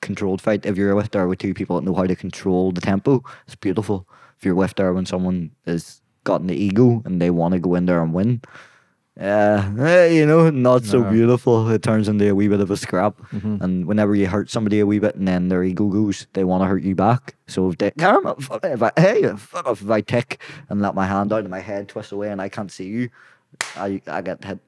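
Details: Young adult man with Tourette syndrome; tics began at 16 as a shoulder tic, spread across his body, then vocal tics followed; worsen with stress and cameras. Involuntary vocal tics of random words and swearing interrupting speech.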